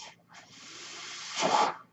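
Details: Breath sounds of the speaker's own mechanical ventilator, heard in the background while he talks during a spoken podcast recording.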